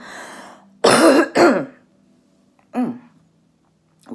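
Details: Cough from an adult woman, an orthopedic surgeon recovering from COVID-19 at home, during a phlegm-clearing exercise.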